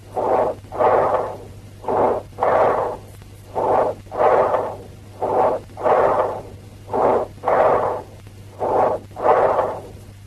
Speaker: Listen to the bronchial breath sounds, which have a blowing quality, a harsh, high-pitched and prolonged expiratory sound, and a pause between inspiration and expiration.